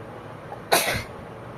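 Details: A single abrupt, explosive burst of air against quiet room noise, one sneeze, during a sneezing and nose-blowing challenge with a handkerchief: sneeze.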